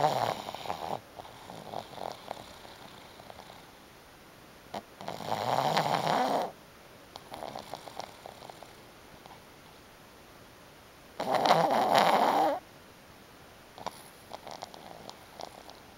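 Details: Black pug snoring in sleep: loud, rough, rattling snores on the in-breath about six seconds apart, with softer snuffling between them.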